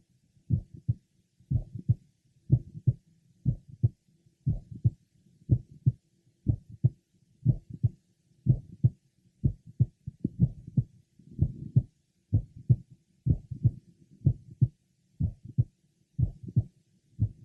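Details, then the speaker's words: Mother with familial mitral valve prolapse and frequent premature beats treated with medication, heard at the apex: about 62/min, with sharp mid-systolic clicks and some irregular beats. "now listen to his mother she has a mid systolic click occasionally a couple of clicks are heard sometimes she has in addition a late apical systolic murmur occasionally no click or murmur are present"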